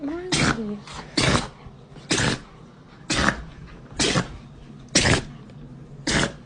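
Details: A dog sneezes about seven times in a row, short sharp bursts about a second apart, with a brief whine at the start.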